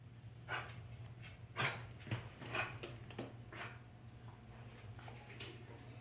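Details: Coughing.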